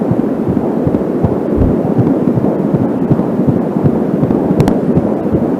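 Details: A home Angelsound fetal Doppler picks up a fast, regular whooshing fetal heartbeat at around 160 bpm over static hiss. The occasional slower beats are the mother's own pulse from a nearby artery.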